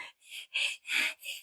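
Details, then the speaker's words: Adult imitating an infant's wheeze in bronchiolitis, likened to a kitten: high, thin, breathy bursts; sibilance sometimes loud enough to hear unaided, though often inaudible in babies under 2 months. "gatinho é mais ou menos o barulho de uma sibilância né e às vezes é tão intensa que dá para escutar"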